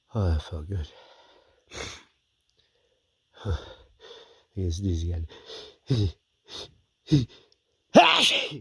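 Several voiced catching breaths build up, then one forceful sneeze bursts out at the end. A drawn-out build-up before a sneeze.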